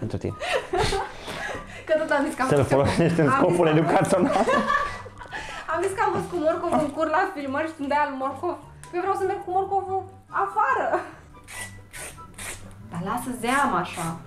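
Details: Adult woman speaking, with laughter; no disorder (ordinary speech).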